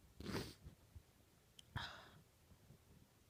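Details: 18-year-old female sneezing into an old T-shirt trying to stay quiet: two forceful sneezes muffled into cloth, each a sharp burst of air then a short breathy release.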